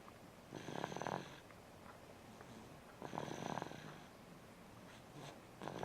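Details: A person snores rhythmically, about every two and a half seconds, each snore a fluttering, buzzy noise on the in-breath: snoring.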